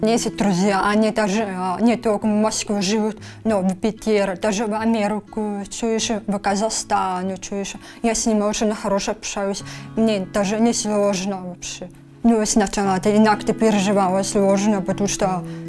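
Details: 23-year-old woman diagnosed with grade 3 hearing loss at 1.5 months, cochlear implant at age 7, 16 years of implant use, speech sounds taught by a speech therapist; deaf speech (prelingual deafness with cochlear implant).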